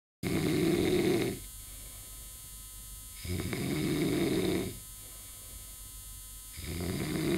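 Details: Loud, rattling snores on each breath, about 2 breaths per 7 seconds with quiet pauses between, over a steady hum, described as breathing with all holes closed; snoring.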